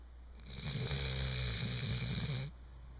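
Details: A chocolate Labrador that has snored since puppyhood and seldom barks: a single long, low, rattling snore lasting about two seconds while he sleeps, over steady room hum.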